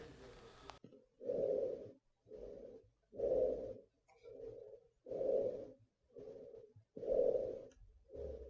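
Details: Soft, even breath sounds through a stethoscope over the posterior chest, patient with arms crossed over shoulders breathing in and out through the mouth about 16 times a minute; normal vesicular breathing.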